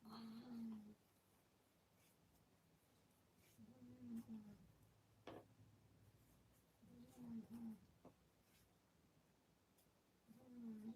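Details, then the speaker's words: A sleeping cat, dozing in a chair, snoring with steady, low buzzing breaths about every three and a half seconds. "sorry if you can hear the cat snoring. He's absolutely zonko in the chair next to me. He's making quite a lot of noise about it."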